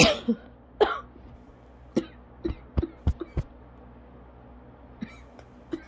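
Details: About a dozen short dry coughs in six seconds with barely a breath between: ongoing asthma coughing fit lasting about 30 minutes, leaving the person lightheaded and dizzy.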